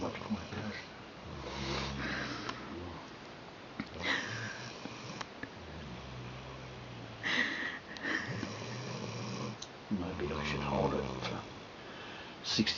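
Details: Low, rumbling snores with fluttery, sniffling breaths from an 8-month-old Rhodesian Ridgeback pup asleep in a small quiet room; snoring.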